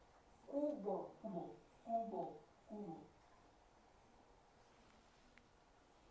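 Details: Spanish-speaking adult with aphasia, showing apraxia of speech; automatic phrases are preserved while deliberate naming fails.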